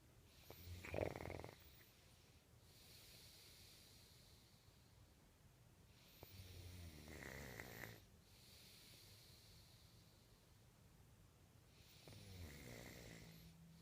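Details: Snoring: three snorting snores about every five to six seconds, roughly 11 breaths a minute, with softer breathing sounds between them.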